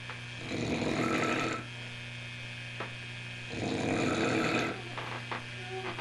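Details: Recording from 1 January 1989 of loud, pig-like snoring: two long, rough, rattling noisy breaths about three seconds apart with steady room hum behind; snoring.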